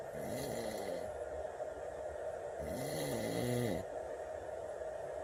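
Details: Two loud, rough, vibrating snores on breathing in, each with rising and falling pitch, over steady room hum, from an adult man asleep at 2:30 in the morning; snoring.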